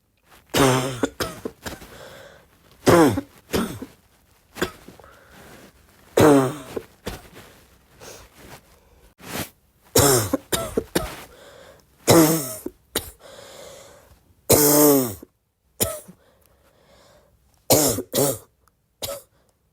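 Repeated harsh, barking coughs come in short clusters, with a hoarse, honking tone to several bursts.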